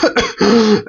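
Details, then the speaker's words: Adult medical student imitating pertussis (whooping cough), described as violent coughing followed by a whoop, especially in children: two short harsh coughs, then a drawn-out voiced indrawn whoop; deliberate demonstration, not a real patient. "pertusis as we all know it's also known as whooping cuff and there is going to be uh the violent cuffing and it is going to be followed by a woofing it's especially occur in the children"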